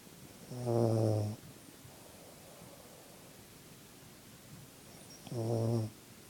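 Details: Sleeping puppy snoring: two low, buzzing snores about five seconds apart, each under a second, quiet breathing between.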